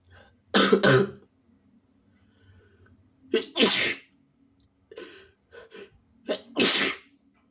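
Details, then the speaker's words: Three forceful, wet double-burst sneezes with visible spray, induced by a sick adult with a cold and sensitive nose, followed by short coughs and throat clearing. "I'm spraying all over my leg, my arm, myself. Oh shit. I also sneezed all over my cell phone."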